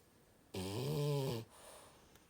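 A single loud, low, buzzing snore lasting about a second, from a sleeping flat-faced dog.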